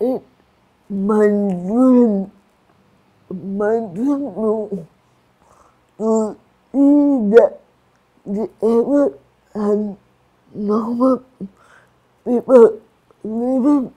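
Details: Adult woman with cerebral palsy and restricted movements; slurred speech, described by her teacher as difficulty speaking clearly; dysarthria (slurred speech) in cerebral palsy.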